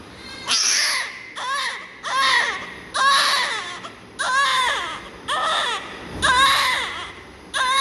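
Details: Healthy newborn baby: rhythmic, strong, clear crying in repeated bursts with brief breaths between; a vigorous, normal newborn cry.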